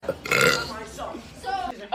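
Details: Deliberate burp from a burp compilation: a long, loud voiced belch rumbling for over a second before trailing off; burp.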